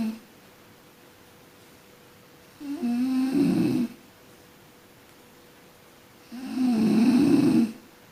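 Two long, rumbling snores on breathing in, about 16 breaths a minute, with quiet pauses between them. Ordinary snoring during sleep.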